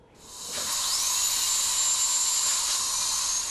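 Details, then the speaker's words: Dental drill in a research lab demonstrating noise-cancelling technology: a high-pitched, steady whine as the drill spins up and holds speed, with a hiss of air and water. "a new device which cancels out the high-pitched whine of the dentist drill still allows you to hear the reassuring tone of your dentist has been unveiled"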